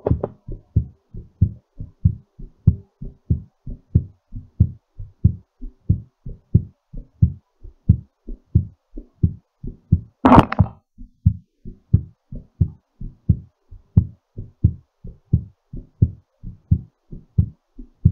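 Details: Regular low heart thumps at about 90 a minute, slightly fast, with one brief rustle midway; a normal heartbeat recovering after exercise.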